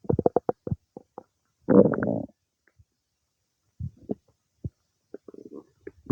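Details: Gurgling, bubbling stomach noises, a run of short pops then a longer churning gurgle and scattered clicks, during digestion some time after eating cake: normal bowel sounds (borborygmi).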